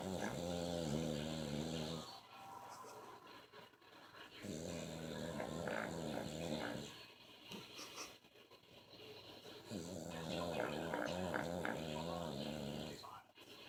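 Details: Adult man's heavy snoring: long, rough, rattling, growling snores roughly every four seconds, separated by quieter breathing.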